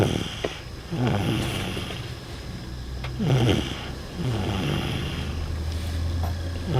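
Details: Snoring while sleeping in a car: soft, rumbling snores about 18 a minute over a steady engine hum; ordinary snoring in a sleeping dog.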